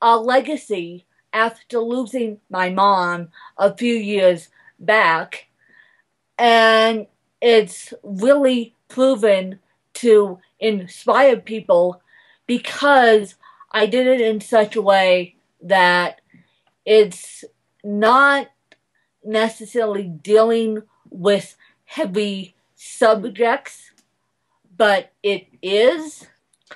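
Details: Adult woman speaking; Dysarthria (cerebral palsy).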